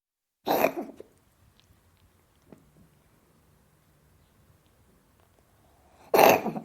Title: Cat coughing Sound